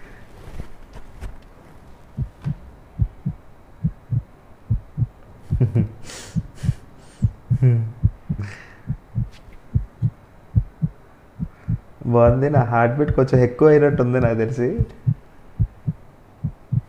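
Steady thumping heartbeat through a stethoscope, roughly 70 to 80 beats a minute, with brief background music.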